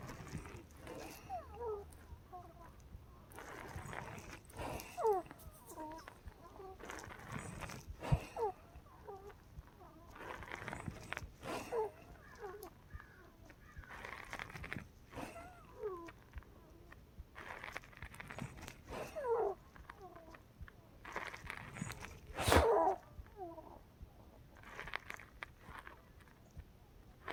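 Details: Wheezing episodes recorded overnight in a female patient, starting around 6 AM, about 4–5 hours after her last breathing treatment (Arformoterol and Pulmicort at 1 AM); squeaky, whistling breath sounds in repeated bursts.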